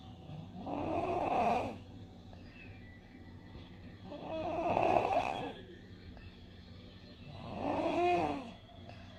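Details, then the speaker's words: Snoring example from a pediatric ENT lecture on laryngomalacia: coarse, lower-pitched sound that gives the impression of a blocked nose, a nasal obstruction snoring pattern. "então vou colocar aqui alguns exemplos então do ronco o ataque o vídeo há um ano e aí e aí é responsável pronta mais grosseiro né ele ele é mais mais grave né é muito impressão medo de nariz entupido"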